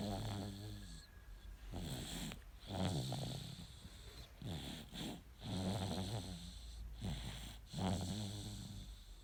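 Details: 9-month-old baby boy sleeping comfortably and snoring, with soft rattling snores on each breath at about 22 a minute over faint background noise.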